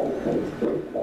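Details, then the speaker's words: Fetal heartbeat on Doppler during a 12-week ultrasound of a girl: rapid, regular whooshing pulses at 173 beats per minute, described as an excellent rate. "Frequência maravilhosa, maravilhosa. Frequência hoje de 173 batimentos por minuto. Excelente frequência."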